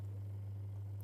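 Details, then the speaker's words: Airway suction machine running with a steady low motor hum, no breaks, during clean-up after nasotracheal suctioning of an adult male on 35% Venturi-mask oxygen; size 12G catheter and tubing flushed with sterile water, then switched off. "I'm going to dip the tubing into the water and it will flush the catheter clean. Turn it off."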